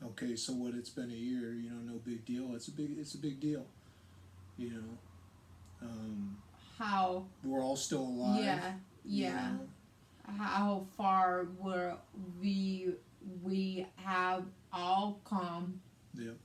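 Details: Aphasia in a woman after a hemorrhagic stroke on May 19, 2020, with right-sided hemiparesis, brain surgery and an ICU stay; the aphasia also affects her reading and writing.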